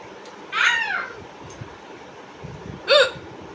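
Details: Person with repeated hiccups: two loud, abrupt hiccups with a sharp voiced squeak, about two and a half seconds apart, in a quiet room.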